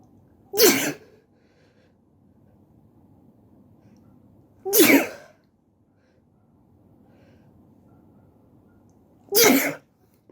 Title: Sneezing while sitting on the floor